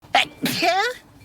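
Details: A VTuber's single, unusually cute sneeze: a short sharp intake, then a hissing burst turning into a voiced, falling high-pitched "choo".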